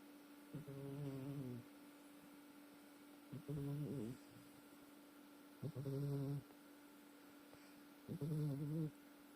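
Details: Loud, regular, buzzing snores on each inward breath, about 24 per minute, with quiet pauses between; snoring likened to a locomotive.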